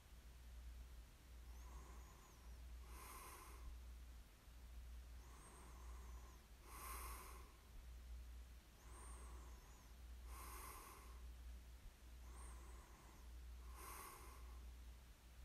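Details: Soft, regular breathing with a faint rattle on each breath, about four breaths in fifteen seconds, over a steady low room hum; snoring during sleep, recorded as a snoring ASMR sleep aid.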